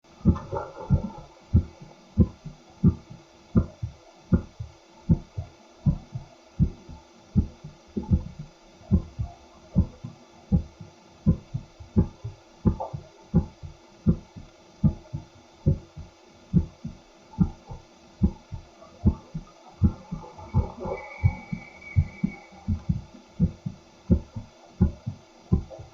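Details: Stethoscope microphone recording of an adult man's heartbeat with simultaneous ECG: steady paired heart sounds at about 83 beats a minute.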